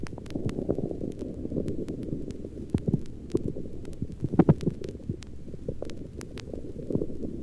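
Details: Normal, very active bowel sounds heard in an apical heart tracing of a patient who is hungry late in the afternoon (1955 recording): frequent low gurgles and irregular rumbling clicks over a noisy background.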